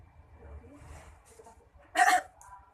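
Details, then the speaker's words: Nursing students role-playing chest physiotherapy: after vibration, a female patient inhales twice and then coughs on the third breath. Quiet breaths are followed by one strong, forceful cough; acted effective coughing, a voluntary cough. "Meminta pasien menarik nafas, menahan nafas, dan membatukkan dengan kuat."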